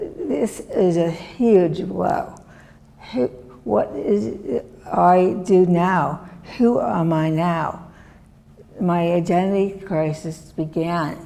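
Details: Woman, former professor, with chronic aphasia since a severe stroke in 2010 that disabled her right side and took her speech; she relearned making sounds and saying her name and still cannot speak as before; non-fluent aphasia after stroke.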